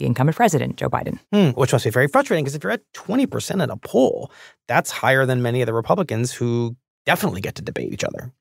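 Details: Adult man speaking; normal speech.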